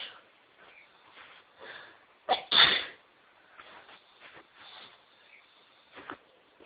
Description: Whilst listening to sneezes on You Tube I decided to induce and this was the result